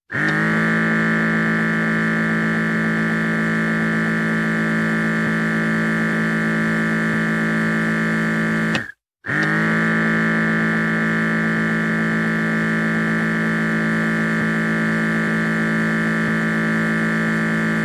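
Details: Electric blood pressure monitor pump inflating the cuff: steady motor drone, a brief pause, then the motor runs again.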